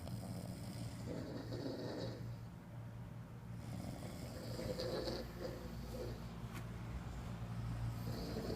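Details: Four people snoring at once: low, rumbling snores overlapping each other, irregular and continuous, with a steady background hum; snoring.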